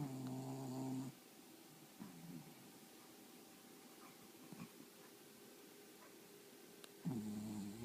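Rumbling snores from a sleeping dog, two clear snores with quiet breathing between; ordinary snoring.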